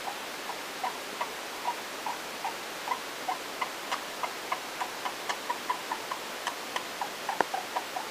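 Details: Hamster making rapid, evenly spaced tiny clicks, about three per second; owner unsure whether these are hiccups or something else.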